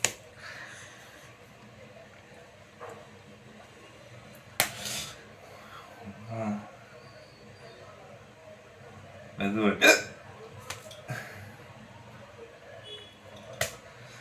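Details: Several sharp, abrupt catch sounds at irregular intervals in a quiet room, consistent with hiccups; second part of a hiccups treatment video.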